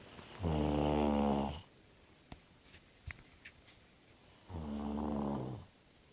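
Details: Snoring after a night of too much beer: two loud, buzzing snores about four seconds apart, each just over a second long, with faint clicks in the quiet room between them.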